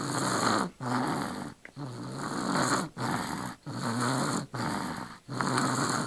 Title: Snoring Baby!